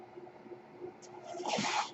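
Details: Quiet steady hiss rising into a brief airy whoosh in a pause between speech as the speaker's own mechanical ventilator cycles while he records a podcast.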